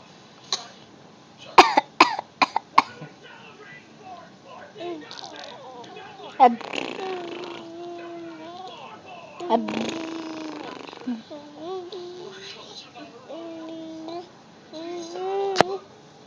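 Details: A child gives a quick run of deliberate, forced coughs, then vocalizes and talks in a steady voice: a voluntary (fake) cough.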